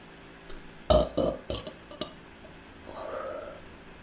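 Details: A girl burping and hiccuping uncontrollably: a quick run of several low, throaty burps, then a softer drawn-out burp, repeated belching.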